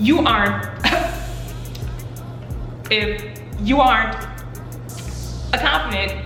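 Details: Adult woman speaking about her own stutter; stuttering.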